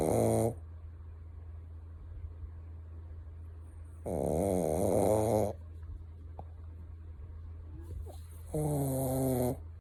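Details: Shih Tzu, a small dog, asleep, with loud, buzzy, whistling snores, about 14 a minute, and a steady low hum in the background; snoring.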